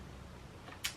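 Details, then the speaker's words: Woman talking casually: a single brief, sharp click against quiet room noise as her jaw moves; temporomandibular jaw click. "I've got an issue oh hear that my jaw clicked"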